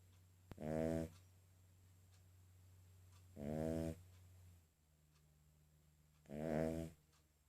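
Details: Sleeping King Charles spaniel snoring loudly in three rattling bursts, about 21 a minute.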